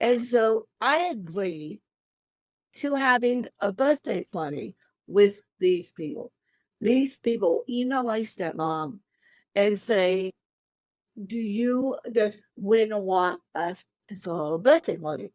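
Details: Adult woman with cerebral palsy since birth, born 13 weeks premature weighing one pound thirteen ounces; dysarthric speech in cerebral palsy.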